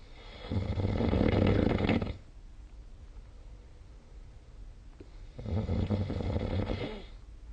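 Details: Two low, rattling snores on breathing in, with quiet pauses between them; ordinary sleep snoring.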